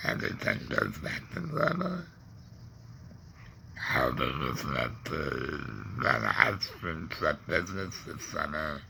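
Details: Adult man with a laryngectomy after cancer (tongue cancer tagged), breathing through a neck stoma, with ongoing tongue pain and depression; alaryngeal speech after laryngectomy.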